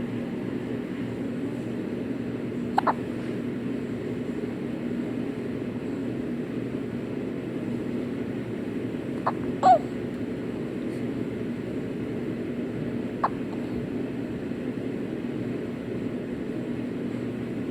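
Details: Several brief, squeaky hiccups from a baby boy, likened to a rubber chicken, breaking through a steady background hum; infant hiccups.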